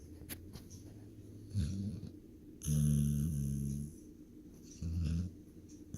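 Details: Three low, rough, vibrating snores over six seconds with quiet breathing between; ordinary snoring in a sleeping animal.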